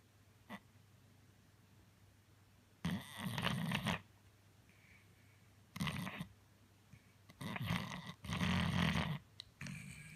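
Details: Snoring during sleep: rough, snorting snores on each breath with quiet pauses between, about four breaths in ten seconds.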